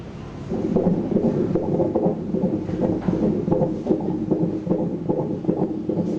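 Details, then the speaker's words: Fetal heartbeat on an obstetric ultrasound at 19 weeks, in the fifth month of pregnancy: fast whooshing pulses at roughly 150/min, judged a very good, normal heartbeat. "เป็นภาพที่ดีมากเสียงหัวใจเต้นไม่ใช่หายใจแรงโอเคนะดีมาก"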